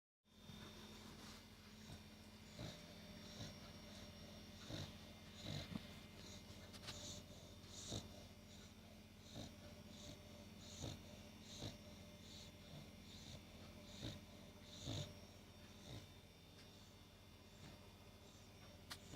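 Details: Sleeping dog: soft, rhythmic snorting breaths at about 75 per minute over a steady low hum; snoring.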